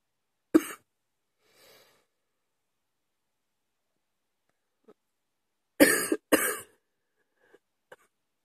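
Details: Night-time cough at 2 AM after waking in the middle of the night: one sharp cough, then a pair of harsh coughs a few seconds later, with quiet breaths and small sounds between; cough.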